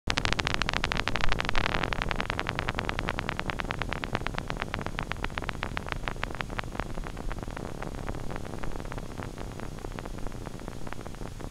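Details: EMG teaching recording of abnormal spontaneous activity: a rapid stream of crisp clicks and pops over steady static, fibrillation potentials and positive sharp waves.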